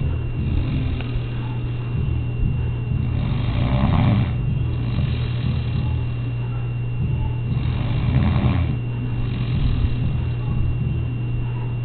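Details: Adult woman snoring very loudly while asleep: deep, steady low rumble swelling every few seconds with each breath, partly masked by a constant background hum; heavy snoring.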